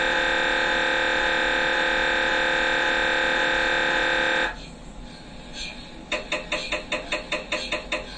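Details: Loud steady electronic buzzing tone, a pause, then rapid regular knocking pulses, recorded inside the scan room: MRI scanner noise during a brain MRI.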